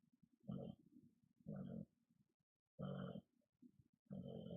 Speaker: don't know if you can hear my dog's snoring but it's hot she got a lot of exercise today she was out and about